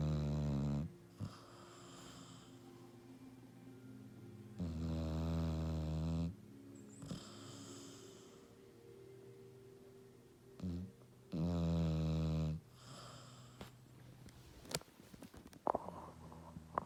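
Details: Female dog asleep, snoring: slow, deep, rumbling snores about every six seconds with quieter breathing between.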